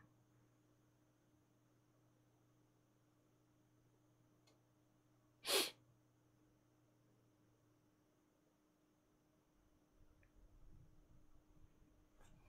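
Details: A streamer's single short, sharp sneeze in a quiet room with a low steady hum.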